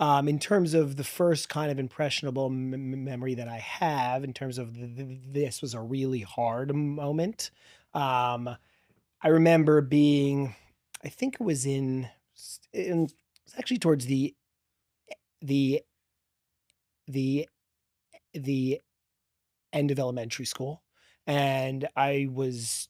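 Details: 40-year-old man who has stuttered since childhood, with a strong stutter growing up; part-word and word repetitions audible; finding: stuttering.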